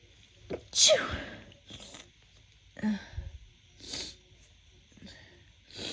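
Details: Sneezes from a female during the first spring 2024 pollen season, attributed to pollen: sneezing from seasonal allergy.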